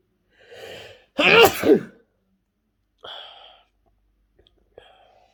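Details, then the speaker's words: Deliberately provoked sneezing in a sneeze challenge (description mentions mint and garlic in the nose): a breathy build-up, one forceful sneeze, then a few softer sneeze-like bursts. "опять чихательный Челлендж 700 раз как обычно"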